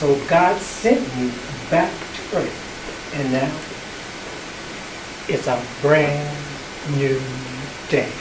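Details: Performer with aphasia after a stroke, speaking in an improvised theatre play created by people with aphasia with an aphasia research and treatment centre; aphasia.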